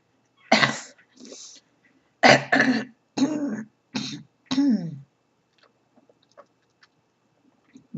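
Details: Run of about seven harsh, rough coughs in close bursts, some throaty and rattly, after three weeks of bronchitis, now first feeling better.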